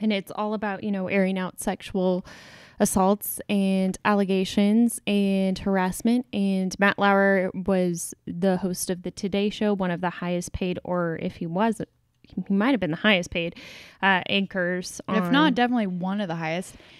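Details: Adult woman speaking; no speech disorder.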